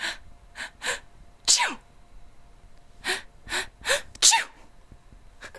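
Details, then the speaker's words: Woman asked to act out sneezes: two acted sneezes, each with a sharp inward 'ah' build-up and a forceful hissing burst. "more times okay do it do it again try and uh do a do a different sneeze sound if you can"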